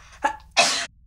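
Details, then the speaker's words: A single adult sneeze, announced beforehand as stuck and aimed at the microphone during a podcast: a short indrawn lead-in then a loud, hissing burst of air, called a juicy one. "Oh, shit balls. That was a juicy one."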